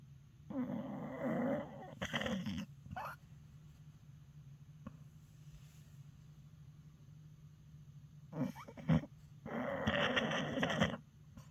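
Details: Sleeping dog: two long, rough, rattling breath sounds separated by quiet stretches over a steady low background hum; snoring.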